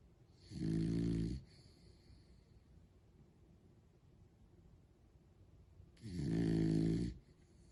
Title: Adoptable Rescue Dog Moshe Snoring (3)